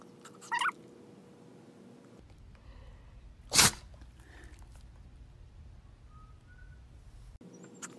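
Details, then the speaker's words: Shih Tzu dog, which rarely sneezes, gives a single sharp, explosive sneeze over quiet room noise. The owner wonders if she bumped her nose. "Lacey, you have the sneezies. You have the sneezies? Oh my goodness. Do you bump your nose?"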